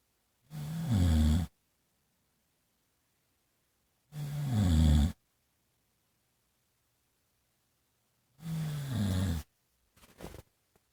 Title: Need to adjust the snoring device